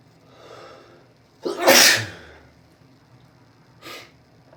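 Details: Allergic sneezing after a shower, which the person links to a particular shampoo: a sharp inhaled catch, one loud explosive sneeze, then a brief sniff.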